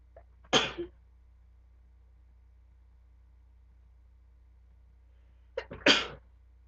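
Two sharp sneezes about five seconds apart, each with a brief catch of breath before it, in a quiet room with a low hum.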